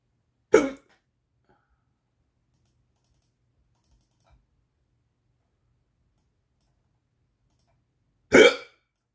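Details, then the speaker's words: Two sharp, abrupt hiccups about eight seconds apart in a quiet room, from a person with a persistent bout, their fourth bout of hiccups that day. "Ah, ça passe pas, c'est le 4e que j'ai aujourd'hui."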